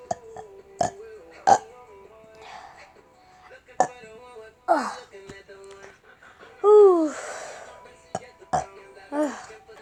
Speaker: Oh my god, I have so many burps.